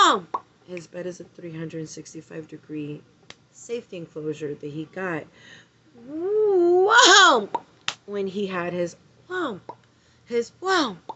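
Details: Vocal tics from Tourette syndrome in a female speaker; the interjection 'wow' interrupts her speech.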